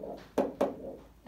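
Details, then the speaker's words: Vocal imitation, not a real recording, of S1 and S2 followed by a soft diastolic whoosh, modelling the diastolic murmur of mitral stenosis, which follows an opening snap. "Entonces, aquí se va a escuchar como un soplo diastólico, entonces va a ser S1, S2, soplo."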